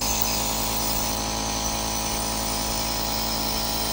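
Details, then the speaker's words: Loud, steady mechanical whirring and buzzing of a running nebulizer compressor: the bigger, noisier old machine used for years, played for comparison with a new, quieter, compact jet nebulizer for adults and kids. "the nebulizer is very quiet comparing to the bigger machine we had for years just listen to the loud sound of the old machine comparing to the new"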